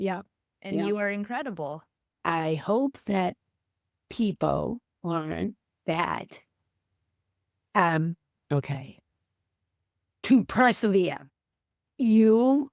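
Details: Female teacher with aphasia after a stroke on January 28, 2010, mute for three months, 15 years post-stroke; halting, effortful speech.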